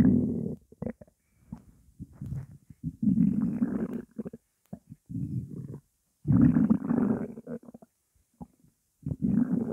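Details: Hunger stomach growling (bowel sounds), stomach holding only water: long, loud, low rumbling gurgles in repeated waves with brief pops.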